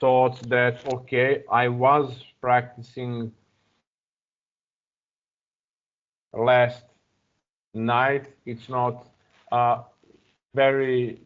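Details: Adult man who stutters and still blocks when starting to speak, now working with a new therapist and practising a speech technique; stuttering.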